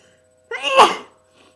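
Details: Unstifled sneeze from a person with a cold: a brief rising breath in, then a sharp explosive burst of air.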